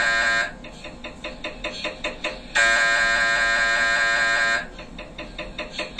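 Loud rhythmic buzzing and knocking, then a sustained harsh electronic tone, then knocking again: typical MRI scanner noise during imaging.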